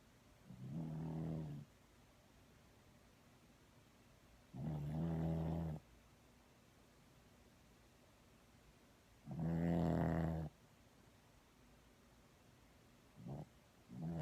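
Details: Snoring during sleep: deep rumbling snores with quiet pauses between them, roughly 13 breaths a minute.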